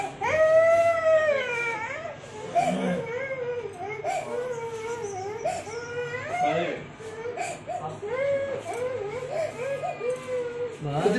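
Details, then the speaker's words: A young child, upset while the hair at the back of the head is cut with scissors, cries and wails in sustained rising and falling bursts with sobbing breaths between; child crying. "देखो देखो लोग क्या बोलेंगे व बोलेंगे बच्चा रो रहा है मेन रो रहा है रोना नहीं है"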